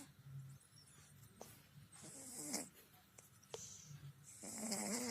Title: Looking at our 😍.He is snoring like a tiger 🐯😀